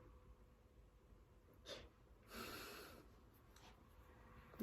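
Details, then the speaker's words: Short stifled sneezing fit: two or three brief, muffled sneezes with the mouth held shut in a quiet room, after announcing an impending sneeze. "i'm gonna sneeze"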